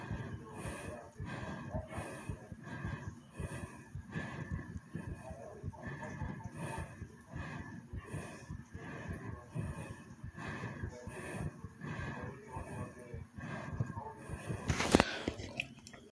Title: A Very Brief Heartbeat Recording and Breathing ❤❤